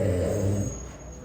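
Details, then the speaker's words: A man snores loudly while sleeping, tired after a long flight from America to India; his snoring is remarked on with laughter. "ಇಷ್ಟೇ friends ಗೊರಕೆ ಹೊಡಿತಿ ಕೇಳಿಸ್ತಿದೆ ನಿಮಗೆಲ್ಲ [ನಗೆ] ಜೋರಾಗಿ ಹೊಡಿತಾರೆ ಸುಸ್ತ ಆಗ್ಬಿಟ್ಟತೆ travel ಮಾಡಿ"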